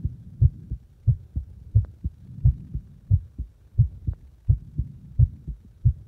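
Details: Heartbeat while deliberately making the heart speed up and slow down: regular, low lub-dub beats averaging around 90 a minute, with the spacing between beats shifting as the rate changes.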